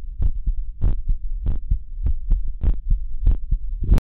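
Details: Regular paired heartbeats at about 100 a minute from a child, recorded with a digital medical stethoscope; normal heart sounds.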